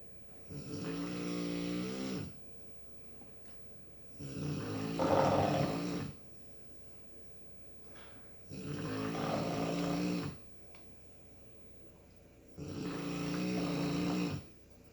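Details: Dog snoring in steady sleep: four long, rattling snores with quiet gaps between, about 15 breaths a minute.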